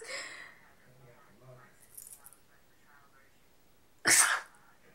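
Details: Faint room sounds and murmuring, then one sharp, loud, explosive burst near the end; a single sneeze.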